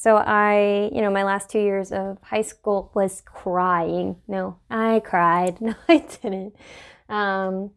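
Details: Adult woman with Tourette syndrome, interjected vocal tics she immediately corrects: vocal tics (Tourette syndrome).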